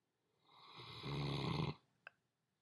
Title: Snoring